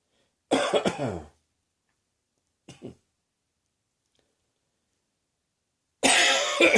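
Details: Three harsh dry coughs with throat clearing in a person who woke with a sore throat and began coughing soon after; possibly the start of a summer cold.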